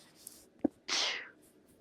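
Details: Demonstration of a practice sneeze with the hips out in slight anterior pelvic tilt and the trunk elongated, to protect the pelvic floor: a brief intake, then a forceful hissing burst of air lasting about half a second; sneeze.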